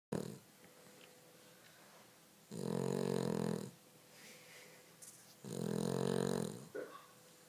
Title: Snoring Dog